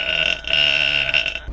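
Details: Adult woman's deep burp from a burping compilation: a long, drawn-out voiced belch with a steady tone, briefly broken, then continuing; burping.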